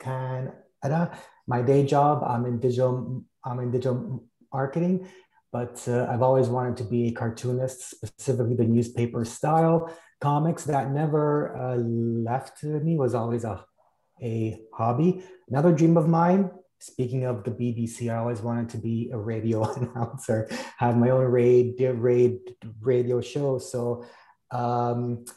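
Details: Stuttering in an adult male cartoonist.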